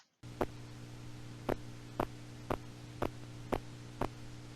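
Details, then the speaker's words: Needle EMG: spontaneous myokymic discharges, not from needle movement or voluntary firing by the patient. Low thudding bursts recur about twice a second over steady hum, slightly uneven like soldiers' feet marching out of unison. "What you're seeing here is something with a very kind of low, thudding kind of sound. sounds that sound like, the feet of soldiers marching, not in perfect unison, like that."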